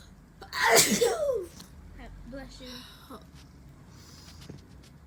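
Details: Sneeze triggered by a Covid-19 nasal swab test in a girl: one loud, explosive sneeze, then soft voiced sounds and breathing.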